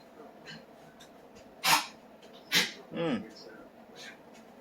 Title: coughing sheltie